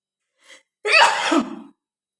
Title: Sneezing Challenge 🤧|| Sneezing || Funny Video || Success ||